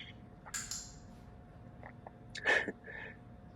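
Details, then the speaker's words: Adult with Tourette syndrome training a dog: brief sharp sniffs and a short throaty grunt-like snort, vocal tics of sniffing and grunting. "if you can hear this other audio you can hear i'm sniffing and grunting i have tourette's that's just kind of what i do"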